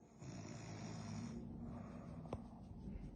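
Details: Person in deep sleep: low, rumbling, fluttering breath noise through a sleeping breath; snoring.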